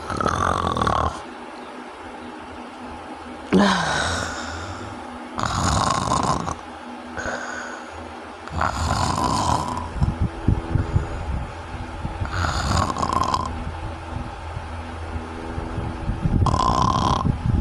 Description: obstructive sleep apnea sounds like this